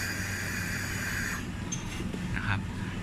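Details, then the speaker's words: Bird pressure-cycled ventilator with flow fixed at mid setting and set pressure raised from about 10: a steady hiss for about 1.4 seconds then cut-off, as the longer inspiratory time raises tidal volume from about 260–270 to 600. "สังเกตโฟอยู่เท่าเดิมนะครับเราจะได้ยินเสียงว่า I time นานขึ้นเมื่อเราปรับเพิ่ม pressure โดยที่โฟยังฟิกอยู่เท่าเดิมแล้ว tidal volume นะครับเพิ่มขึ้นมาเป็น600ไอไทม์นานขึ้น tidal volume มากขึ้นโดยที่โฟเท่าเดิมตอนที่เราเพิ่ม pressure"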